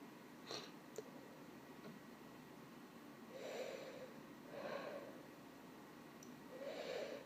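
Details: Female trying to hold back sneezes, with limited success: three soft, muffled, suppressed sneezes about a second apart against steady room hiss.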